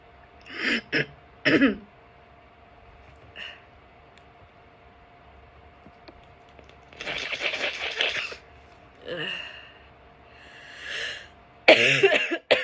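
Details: After chhinkni, with no sneezes: a series of short throat-clearing sounds and small coughs separated by pauses in a quiet room; throat clearing.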